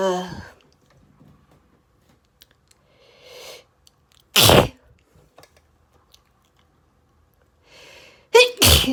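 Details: Allergy sneezing fit, rapid and intense: several sharp, explosive sneezes, some preceded by a quick indrawn breath, with a close pair near the end.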